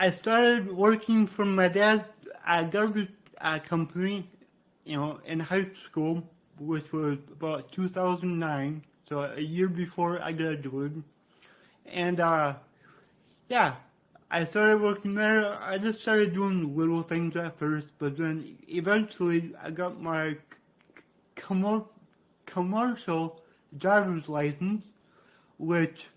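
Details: Man with cerebral palsy from brain damage after being born without heartbeat or breathing and being revived; he describes a resulting speech impediment; dysarthria (cerebral palsy).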